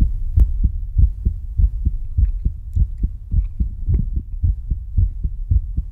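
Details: ASMR heartbeat sounds panned left, center and right: steady, regular paired low thumps at about 100 beats a minute, a normal heartbeat.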